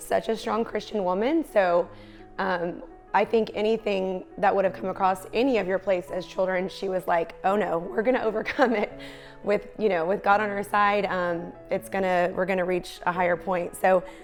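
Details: Adult woman speaking; typical speech.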